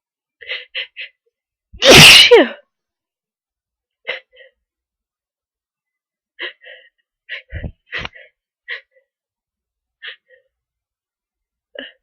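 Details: Sneezing near the end of a cold, with long buildup: repeated short catching inhalations, then one loud explosive sneeze, followed by brief gasps and sniffs.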